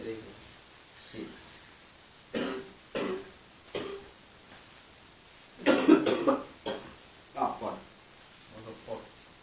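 Series of about eight short coughs with throat clearing, irregularly spaced and in small clusters over several seconds; repeated coughing.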